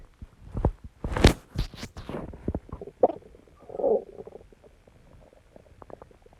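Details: Stomach growling (borborygmi) recorded alongside heartbeat and heavy breathing after exercise: irregular gurgling, squelching and bubbling rumbles from the belly, strongest at first then fading to faint pops.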